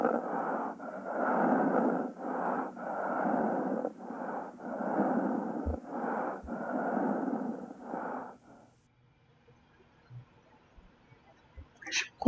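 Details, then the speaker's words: Death rattle (sororoca) in a patient in the active dying phase: bronchial hypersecretion from lost swallowing and relaxed throat muscles, heard as a loud, wet, gurgling noise with each breath, about 8 cycles over 8 seconds. "Então, vocês devem ter visto que a maior parte dos profissionais que lidam com esse tipo de paciente percebe que no momento final eles têm esse som."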